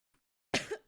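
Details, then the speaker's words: One short, sharp, isolated cough from a person during a live gaming stream, after a brief silence. "Sorry. I mean to cough."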